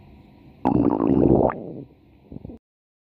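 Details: Lemo's ordinary stomach growling (borborygmi): a loud bubbling gurgle lasting about a second, then faint rumbles.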